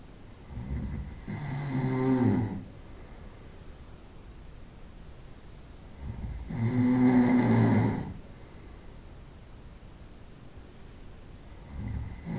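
Deep, rattling snores on inhalation with long quiet pauses between them, roughly 11 breaths a minute. Faint room noise.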